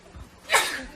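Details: K-pop idol caught on camera sneezing: a single sharp, loud hissing sneeze after a quiet moment, trailing off over about half a second; sneeze.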